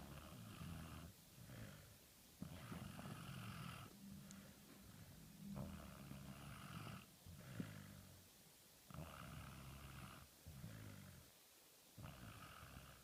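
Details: Slow, rumbling, rhythmic snoring breaths while fast asleep on a lap, each a second or more long, about eight to ten a minute.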